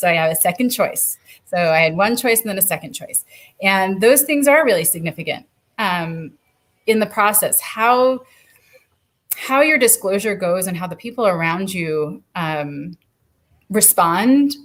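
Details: Adult woman; typical speech.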